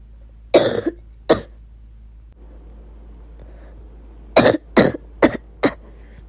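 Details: Six loud, harsh coughs from an adult in a quiet room: two single coughs, a pause, then a quick run of four; repeated coughing.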